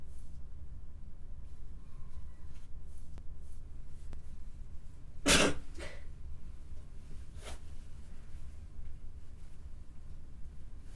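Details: A single sharp, wet, snotty sneeze, then a softer follow-up burst moments later, against steady low room hum; sneezing.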